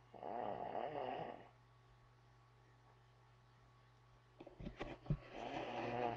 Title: This IS how Hillbillies SLEEP pt.2(why is he snoring like that)